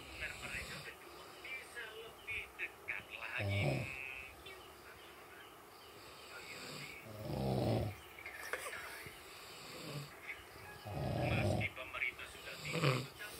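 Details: Low snoring bursts every few seconds, about 16 a minute, with talk and noise in the background; ordinary snoring.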